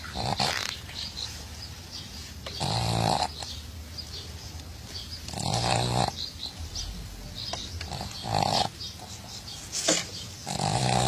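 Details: A sleeping dog snores in steady, rough, rattling breaths, about 21 a minute, with quieter breathing between them.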